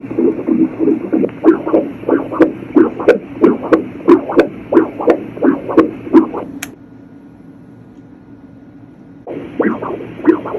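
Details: Heart sounds heard during echocardiography: regular pulsing whooshes at about 90 per minute, lub-dub of mitral and aortic valve closure; normal heart sounds.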